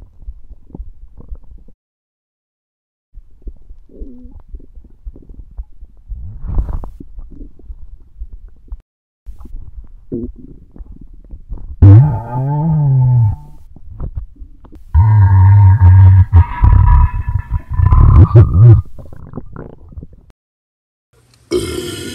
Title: Burping Compilation